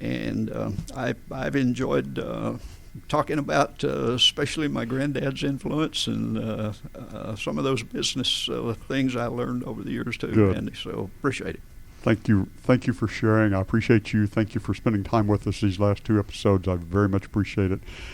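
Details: Adult man with adductor spasmodic dysphonia, onset around 1999-2000: laryngeal spasms make his vocal folds slam together and not release, so speaking takes more effort; treated with botulinum toxin injections; adductor spasmodic dysphonia.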